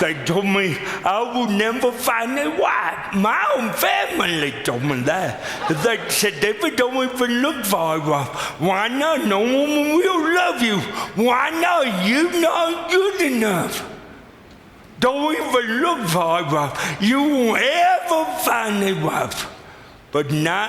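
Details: Adult male with lifelong cerebral palsy; speech described as pretty dramatically affected and possibly difficult to understand at first, with forming words the toughest part for him; dysarthria (cerebral palsy).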